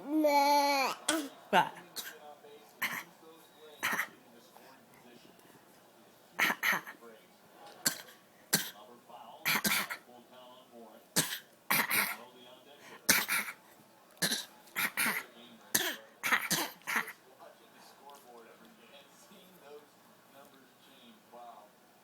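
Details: Young child, sitting in an adult's arm on a couch, gives a long run of short, deliberate, dry fake coughs: a voluntary imitation, not an illness cough.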